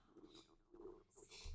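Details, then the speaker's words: Soft, squeaky gurgles and low rumbling in a quiet room, ending in a brief bump: an adult's ordinary stomach rumbling (borborygmi). "Ooh, [snorts] that's my tummy. Hope you can't hear that. Rumbling away there. It's probably not good of me to pick a time of day where my tummy will be vocal."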